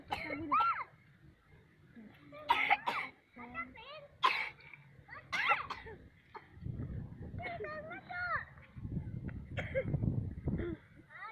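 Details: A person coughing while eating in a rice field: about four short, sharp coughs mixed with voiced sounds and murmured speech against a low outdoor rumble.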